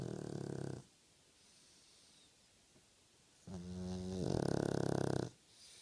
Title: French bull dog snoring!